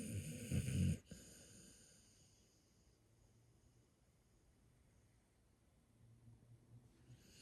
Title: Dog snoring 😴 snoring sounds